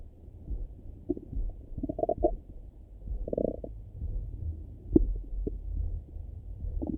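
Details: Irregular low gurgles and rumbles heard through a stethoscope over the abdomen in the morning; normal bowel sounds (borborygmi).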